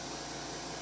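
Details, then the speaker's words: Steady whirring hiss of a slow-speed dental handpiece, with a change of spin direction, during coronal polishing of a 3-year-old girl's teeth at her first pediatric dental cleaning, used as a teaching demonstration for students. "This is gonna spin around a little bit. And I'm just gonna touch your little tooth, cleaning your teeth off, okay? Switching direction."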